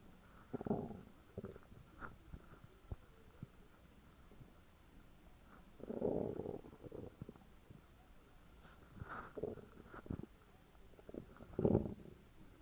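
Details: Very loud stomach growls from a woman: irregular gurgling and rumbling bowel sounds in loud bursts with quiet gaps between; borborygmi, normal digestion.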